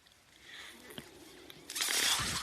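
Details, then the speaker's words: Speaker's own mechanical ventilator during a spoken podcast: quiet clicks followed by a loud rushing hiss of air as the ventilator delivers a breath. "Hello everyone. My name is. That noise you're hearing is my ventilator."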